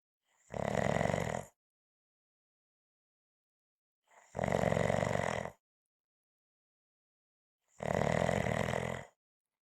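Loud, rough rumbling snores on each breath in, about one every three to four seconds, with silent pauses between.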